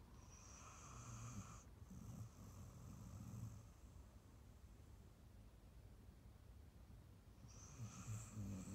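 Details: Adopted female Staffy–Ridgeback rescue dog, born 2012, sleeping relaxed on a sofa after a long walk and big meal, dreaming: soft, slow snoring breaths with low rumbles on in-breaths.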